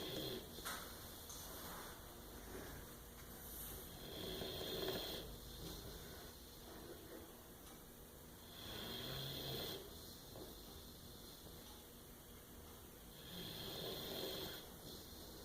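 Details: Sleeping puppy snoring: soft, rhythmic snoring breaths, about 13 a minute, with a steady room hum.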